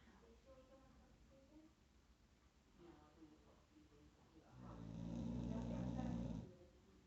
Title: Taz snoring